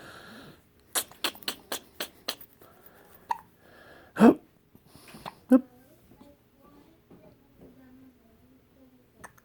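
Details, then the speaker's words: Quick run of sharp, jerky clicks, then louder gulping catches, with a person talking softly; hiccups in a dog that has just finished eating. "honey you got the hiccups going big sneeze oh you can't be trying to eat me you're already hungry you just got done eating a little fatty no"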